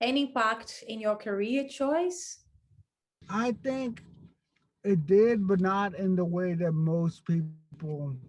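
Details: Stuttering in an adult man who stutters.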